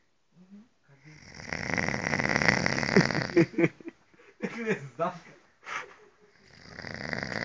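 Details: Ordinary snoring recorded during a retreat: long, rough, rattling snores on the inbreath with pauses and brief nearby voices.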